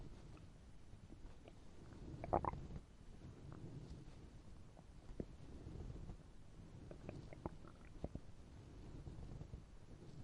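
Low rumbling and scattered gurgles from the belly, with one louder growl; ordinary hunger-related stomach growling.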